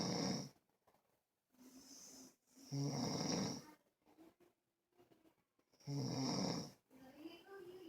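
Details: Snoring during sleep: loud rattling snores roughly every three seconds, about 19 a minute, with quiet gaps between them.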